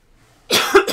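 A single brief cough from an adult, a sharp burst with a quick second push, in a quiet room.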